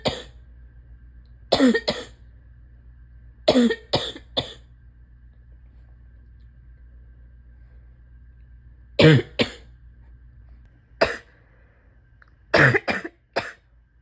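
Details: Wet, chesty cough in a person with asthma, spring allergies and chronic bronchitis, likely during an acute illness: about a dozen heavy, congested coughs in bouts of one to three, with quiet pauses between.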